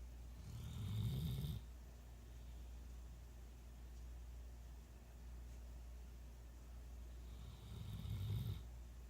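Two loud, rattling low snores on inhaling, about seven seconds apart, against steady low background hum.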